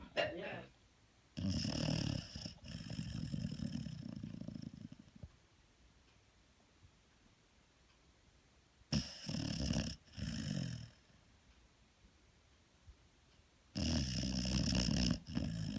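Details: Extreme close-up recording of a female dog snoring: loud, rough rumbling breath noises in bursts separated by quiet gaps.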